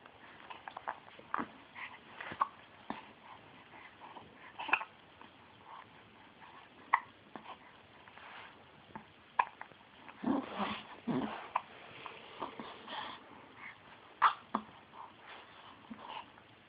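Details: Child's repeated short, sharp catches of breath every second or two in a quiet room; hiccups.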